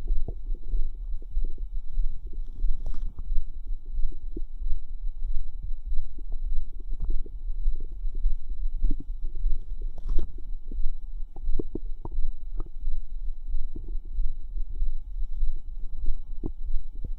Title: Fizz Bubble Squelch Stomach Sounds part 2